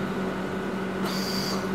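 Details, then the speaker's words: Shortened inspiratory flow sound on a Bird ventilator connected to a practice test lung after the pressure limit was lowered to cut tidal volume from about 1000 to 500 cc, with the flow rate still fully open. "ว่าเมื่อลดPressureลงเสียงหายใจเข้าจะสั้นลงเนื่องจากขนาดผังน้ำเล็กลงแต่เปิดก๊อกน้ำไว้เต็มที่"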